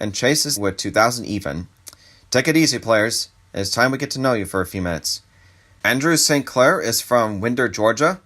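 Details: Adult male speaker; typical speech.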